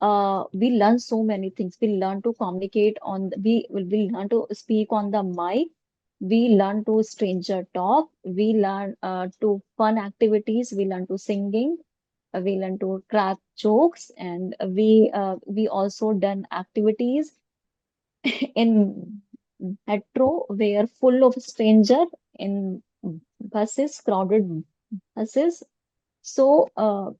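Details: Stammering (stuttering) in a woman teacher who stammers, speaking as an audience member in a podcast Q&A.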